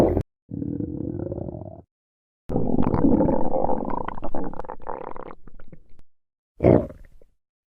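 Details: Person's stomach growling: low gurgling rumbles in several long bursts with short quiet gaps; stomach growling (borborygmi).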